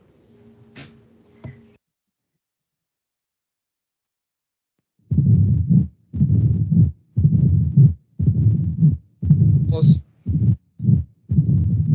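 After a brief silence, a low, rumbling whoosh fills nearly each whole beat at about 58 a minute, like a steam engine: the continuous machinery murmur of patent ductus arteriosus.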